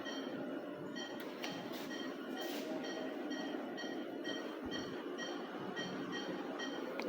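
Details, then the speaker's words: Ventilator running for a newborn in the NICU, a non-invasive ventilator started 4 hours earlier, possibly a preterm baby: steady machine hiss with a regular, rapidly repeating electronic tone in normal operation. "ये है ventilator machine. इस टाइम हमारे पास बेबी अभी वेंट के ऊपर है, जो हमने डाला था बच्चा 4 घंटे पहले।"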